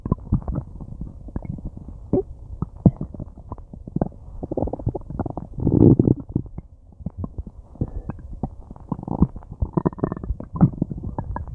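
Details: Active bowel sounds (borborygmi) from a stomach struggling to digest an unknown meal for a long time: loud, frequent low gurgles, pops and longer groaning rumbles, with busy bursts throughout.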